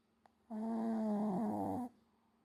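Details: One loud, drawn-out buzzing snore from a sleeping Shih Tzu, deeply asleep after lots of play with guests; loud snoring.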